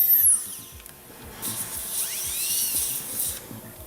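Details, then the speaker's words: High-pitched high-speed dental drill whine rising and falling over faint music as the bur, kept parallel to the slope, reduces the non-centric cusp smooth slope of tooth 37, giving 1.5 mm occlusal reduction for a cast-metal overlay. "Passamos a redução da vertente lisa da cúspide não cêntrica e, para executar essa redução de vertente lisa, a broca deve estar sempre paralelo à vertente. Não deve apresentar nenhum grau menor ou maior de inclinação em relação à vertente."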